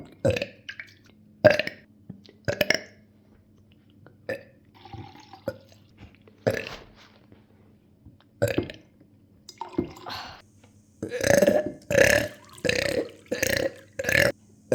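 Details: A series of loud, voiced gulping burps repeated over about fifteen seconds while drinking water, with a low steady hum in the background.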